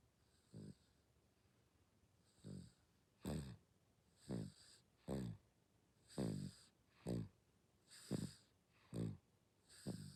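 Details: Six-month-old baby (day 194) snoring while asleep: soft, rhythmic snoring with each breath, around 30 a minute, with a faint hiss, normal light infant snoring.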